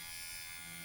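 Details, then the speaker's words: Dr. Pen electric microneedling pen used at home on the user's own forehead and acne scars, needle depth 0.25 (lowest setting), slowest speed, crosshatch strokes over skin kept slippery; steady high-pitched electric buzz of the running motor. "it's the slowest Revolution and I'm just going to run it across my skin actually that's not so bad"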